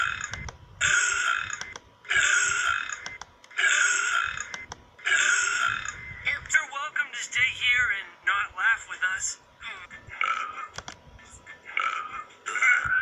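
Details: Burping: several loud, long, rough bursts of air rising from the throat, then softer voiced sounds; repeated belching.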